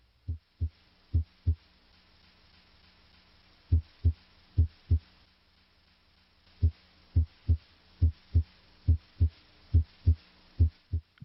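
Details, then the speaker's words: Normal heart sounds heard with the stethoscope bell at the apex (mitral area), where S1 is usually louder than S2: regular paired low thumps at about 70 a minute. "Listen at the apex. Here at the mitral area, S1 is usually louder than S2."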